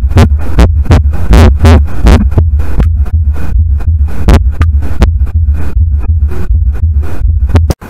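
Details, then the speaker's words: Teaching clip: repeating low heart thumps, each first sound heard as two close components, with M1 preceding T1 because increased venous return delays right-sided filling; split first heart sound. "فنشوف الام 1 تقدم عن التي 1 فصار عنده سبليت شلون اسمع هذا السبليت راح ناخذ هذا الفيديو"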